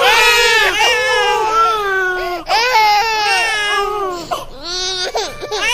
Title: SOM DE BEBÊ CHORANDO